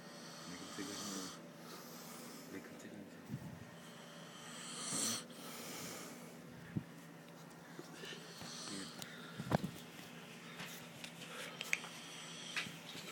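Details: Snoring at 3 am: faint, irregular snoring breaths with a whistling edge, under steady room noise and occasional clicks.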